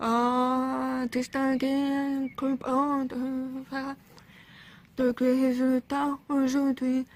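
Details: Speech of a 28-year-old woman with congenital profound bilateral deafness, diagnosed around age 1, who uses cochlear implants and had speech therapy 4 hours weekly until age 16; deaf speech of a cochlear implant user.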